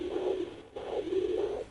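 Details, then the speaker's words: Rhythmic whooshing swells on a home fetal Doppler probe placed low, just above the pubic bone: the mother's own arterial pulse, not the baby's heartbeat. "that's my archeries actually and you tend to have that on both sides your left and right"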